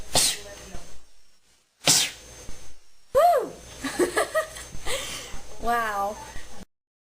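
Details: Sneeze: several separate sneezes from young women, a few with a voiced build-up before the burst; ordinary sneezing.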